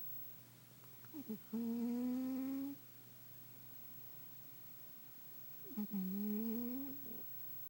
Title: tigger snoring